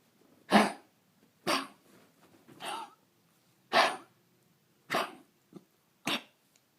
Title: Bowpi partial tracheal collapse + kennel cough